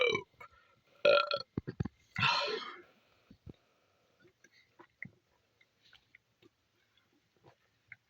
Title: massive burps chugging monster in the red car at 3am after smoking my last cigarette